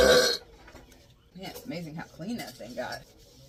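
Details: Long, drawn-out voiced burp with wavering pitch after a burst of noise, apparently made by a girl during family kitchen cleaning; household sounds in the background.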